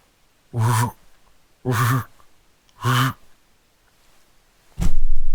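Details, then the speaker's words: Vocal imitation of an aortic stenosis systolic murmur heard by stethoscope at the second intercostal space: three strained, groaning whooshes, evenly spaced, as the left ventricle struggles to eject blood, then a brief noise burst. "you can hear the noises of that blood not really leaving the hearts easily and what you can hear is"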